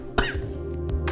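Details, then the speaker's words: Adult streamer during a breathing exercise gives a single sharp cough over steady background music, followed by faint breathy noises; cough. "You hear that cough? Oh baby, need some fresh air."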